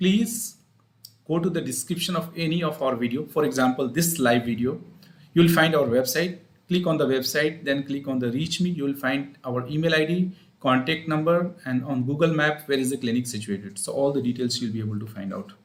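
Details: Adult man speaking; ordinary adult male speech.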